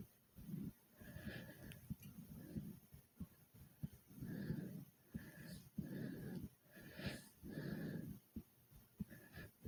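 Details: Hard breathing with heart beating fast after doing 30 jumps in place: heavy breathing after exercise.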